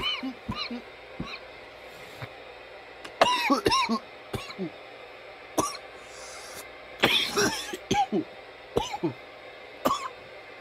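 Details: Nearly 10 minutes of coughing: repeated harsh cough bursts, around eight or nine in ten seconds, some with throat clearing; persistent cough.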